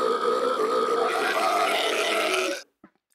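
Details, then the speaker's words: Voluntary burp performed by a burping champion, tongue positioned to make a two-tone chord burp: one long, loud, deliberately sustained burp over two seconds with a slightly tonal, rising pitch. "and then add an element just like this spoon to produce a three-tone sound which is a chord"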